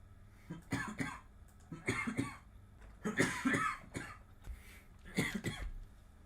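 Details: Coughing compilation: four separate bouts of harsh coughing, each made of two or three quick bursts, in a quiet room.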